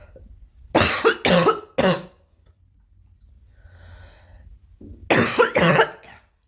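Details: Girl coughing: three quick forceful dry coughs, a brief breath, then two more, amid repeated coughing, throat clearing and snorting.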